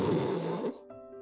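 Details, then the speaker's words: Demonstration of a brief, harsh, deep throaty snore with a strained, choked quality, attributed to the tongue pushed back after tooth-extraction orthodontic treatment and blocking the airway during sleep. Tongue-based airway obstruction snoring. "이런 사람들의 대부분의 코골이 소리는 그럽니다. 혀가 꽉 눌리는, 기도를 꽉 누르는 소리가 이런 사람들의 특징입니다. 혀가 막는 기도의 소리는"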